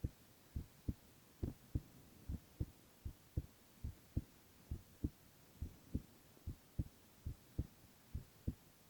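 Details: Male ASMR recording of his own heart: steady, paired low thumps at about 69 per minute with faint background hum; normal heart sounds.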